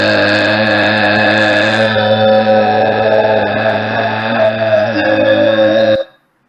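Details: Classic rough (hoarse) voice with irregular vocal fold vibration; GRBASI roughness and overall grade rated as altered.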